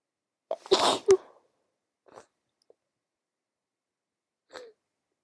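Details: Sleepy female with a cold: a quick gasping in-breath, then a sharp sneeze with a second burst, followed by soft sniffles and breaths; one sneeze.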